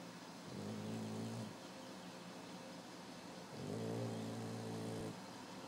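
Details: 13-week-old Boxer puppy asleep after chasing a hose; two long, low, rumbling sleep breaths a few seconds apart over steady background hum; snoring.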